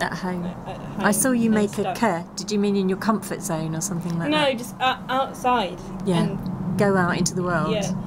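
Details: Adult female speakers in conversation, outdoors; typical speech.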